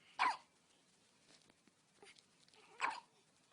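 Two short, abrupt hiccup sounds about two and a half seconds apart in a quiet room, typical newborn hiccups.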